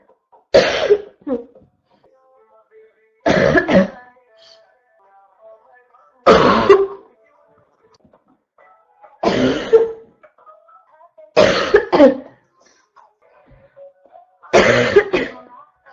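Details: Constant barking cough: six harsh, loud cough bursts, some doubled, repeating about every three seconds.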